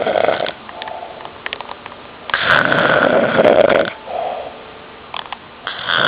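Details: An uncle snoring very loudly on Father's Day night 2009: harsh, rattling snores with a long fluttering inhalation and shorter grunting snorts between; heavy snoring.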